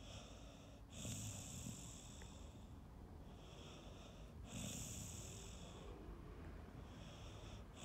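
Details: Snoring from a sleepy female Staffy Ridgeback rescue dog born 2012, a soft, ladylike snore.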